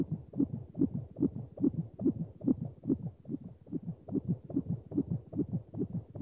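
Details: Fetal heartbeat sound effect: a rapid, regular whooshing heartbeat at about 143 beats per minute.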